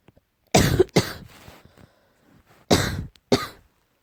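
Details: Four short, light coughs in two pairs with a quiet pause between; slight cough.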